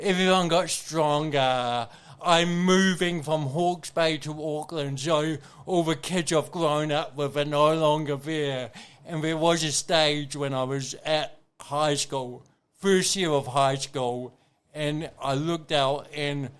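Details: Adult man with cerebral palsy present from birth, a brain injury from oxygen loss to the brain during birth; he reports his thinking is intact; dysarthria (cerebral palsy).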